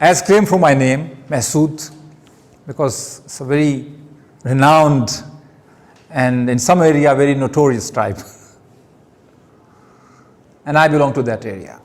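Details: Stuttering in an adult male giving his first public speech at Toastmasters, with word and phrase repetitions.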